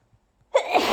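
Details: Near silence, then a sudden sharp sneeze cut off at the end; one of repeated sneezes with an intense nose tickle during a bout of severe hay fever.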